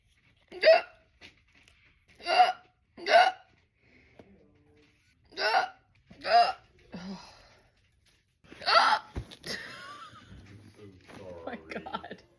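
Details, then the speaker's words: Painful hiccups while trying to scare them away: six sharp voiced gulping hiccups at irregular spacing, followed by laughter. "Trying to scare my hiccups away. Sometimes they get camera shy. See if it works."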